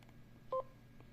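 A single short electronic beep from a handheld vascular Doppler as a menu button is pressed.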